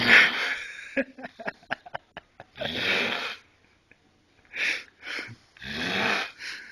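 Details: Loud rasping snores, each followed by a run of quick snuffling clicks and pauses, in a quiet room; snoring.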